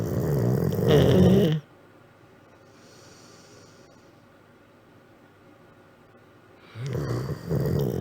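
A loud, rattling snore from a sleeping dog, followed by a quiet pause and then the next snore.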